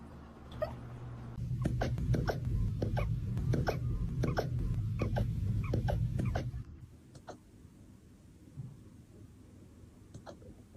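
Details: A puppy hiccups: short, sharp clicks repeat rapidly and fairly regularly over low rumbling handling noise, then fade out.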